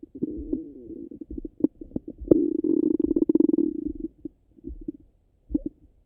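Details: Through a stethoscope after breakfast: gurgling and a drawn-out tonal rumble with bubbling pops from the stomach; normal active bowel sounds after a meal.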